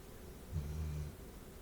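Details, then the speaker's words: One low, rumbling half-second snore from a sleeping pet over quiet room noise. "Chappie's snoring a little bit too. Chappie's my small dog. You do hear the doggo snoring."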